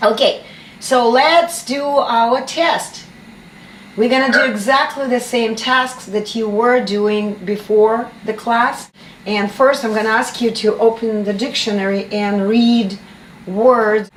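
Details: Adult woman speaking; no speech disorder.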